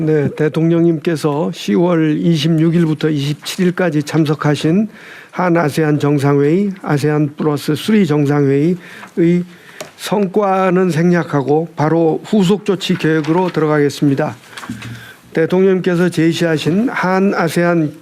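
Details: Adult male speaker; normal voice.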